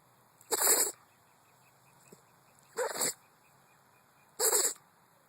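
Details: Pet playing in a park with his brother: three short, sharp, hissing bursts of air about two seconds apart over faint noise; a sneeze attack.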